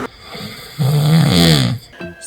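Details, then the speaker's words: Adult man (husband) snoring while asleep at night, recorded by his wife: a loud, harsh snore with a low vibrating rattle, about one second long, faint music in background; snoring. "i don't have nightmares i have snores in my ear all the time i can't sleep anymore"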